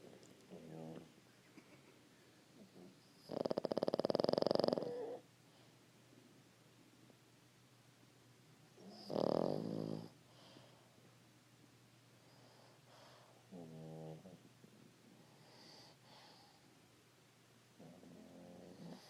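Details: Pug dog asleep, snoring: rasping, snorting snores with irregular gaps, some louder and harsher than others, from this small flat-faced breed.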